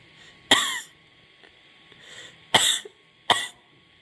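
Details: An adult complaining of a bad chest cough and a sore throat: three sharp coughs with a little throat clearing between them.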